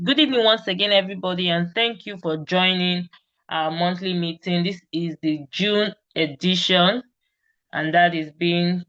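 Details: Adult woman speaking; fluent speech.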